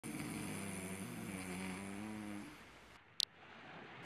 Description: snoreing lol